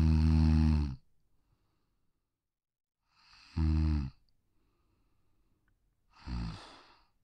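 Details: Pug (brachycephalic, short-muzzled breed with broad, short skull) sleeping on a deck: three soft snoring breaths, each a low rattling snort with quiet pauses between; snoring.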